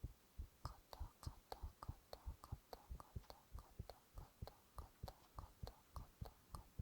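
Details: Male whispering onomatopoeia while recording his own heartbeat: soft, regular double thumps at roughly 95 beats a minute with faint whispering over them; normal heart sounds.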